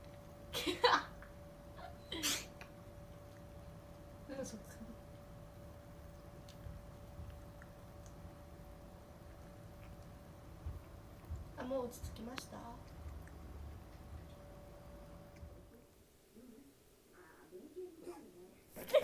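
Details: Cat with a sudden bout of repeated short, sharp sneezes, about five over twenty seconds, in a quiet room with a faint steady hum; sneezing that won't stop.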